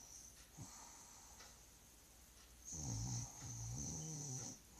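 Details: Rattling, wheezy snores from a sleeping dog, two long snoring breaths after quieter breathing; ordinary snoring.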